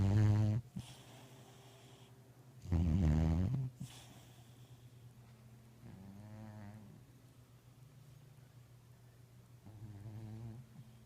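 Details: 8-year-old overweight cat snoring, which started over the past two years and is sometimes very loud: low, buzzing, rumbling breaths repeating irregularly, about 20 a minute, some loud and some soft; snoring.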